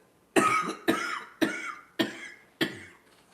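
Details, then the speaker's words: Five sharp, harsh coughs in about three seconds, each fading quickly, from an adult who says something went down the wrong pipe and mentions a nicotine habit; cough after aspiration. "Yeah, I got a little [ __ ] down the wrong pipe. Runs in the [clears throat] [ __ ] family."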